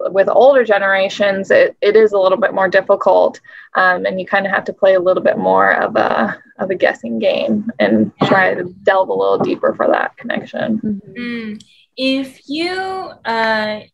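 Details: Adult woman speaking; no speech disorder.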